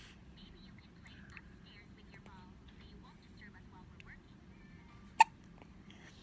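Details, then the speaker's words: Newborn baby with repeated hiccups: a single sharp hiccup against quiet background voices and room noise. "You have more? Hiccup. Oh my. Another one? Oh. Hiccup."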